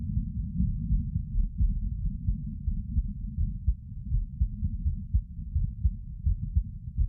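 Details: Heart sounds of a person sitting: muffled, low, regular heartbeat thumps at about 85 a minute with steady background rumble; normal heart sounds.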